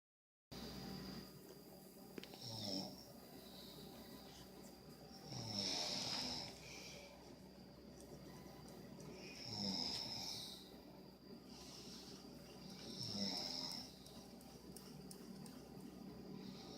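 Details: Snoring: repeated raspy snoring breaths about every four seconds, roughly 15 per minute, over steady room hum.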